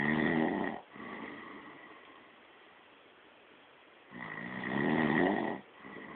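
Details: Person caught snoring during sleep: rough, rattling snores on the in-breath with quiet breathing between; two snores in about six seconds.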